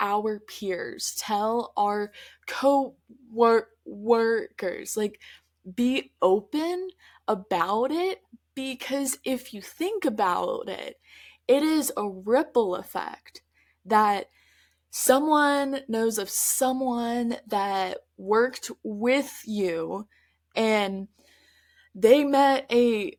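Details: Stuttering in an adult woman who stutters, heard in her real, spontaneous conversational speech.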